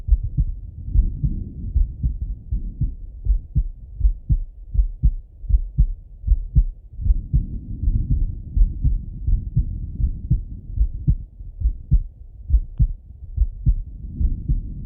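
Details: Male heart auscultated with a stethoscope, recorded either sitting at a desk or lying in bed: regular low thumping heartbeat at about 80 beats a minute; normal heart sounds.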